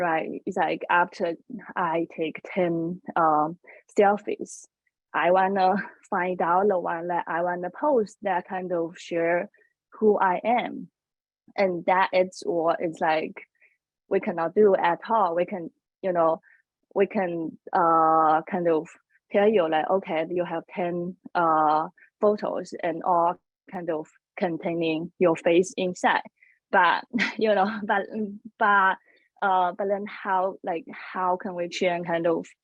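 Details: Adult woman who says she has a stutter; stuttering.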